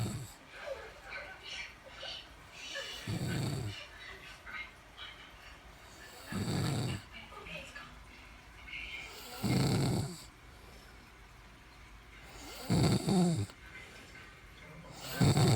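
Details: A female dog snoring heavily: loud, deep, rumbling snores about every three seconds, with quieter breathing noise and room sounds between them.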